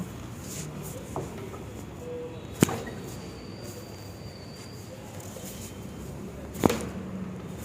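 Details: Chiropractic manual adjustment of the lower back (lumbar spine) for lumbar lordosis in a patient with lower back pain: two sharp, isolated joint cracks (cavitation) a few seconds apart over room hiss.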